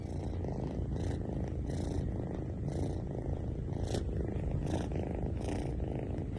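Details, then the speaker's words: Steady low rattling, machine-like rumbling breath noise from the nostrils of a kitten sitting at rest; congested breathing in a kitten with a cold and cough (cat flu), which a vet warns needs treatment. "Video दोस्तों जब video आपने देखी होगी तो आपने ध्यान से अगर सुना होगा तो जब कैट बैठी है या फिर रेस्ट मोड पर है तो भी उसमें घर घर की साउंड आ रही है बैठी है तो ऐसा लग रहा है कि कोई मशीन जो है वो चल रही है"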